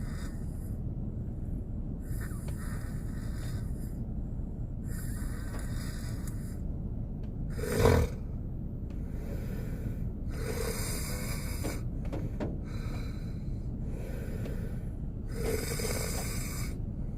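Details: Korean man sleeping in a car on a snowy day, with rain sounds: snoring, about five noisy breath cycles over a steady low rumble.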